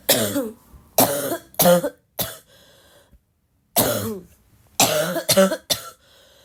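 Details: Two runs of harsh, voiced, barking coughs, about eight bursts with short pauses, from a girl who is still sick and coughing a lot; coughing fit.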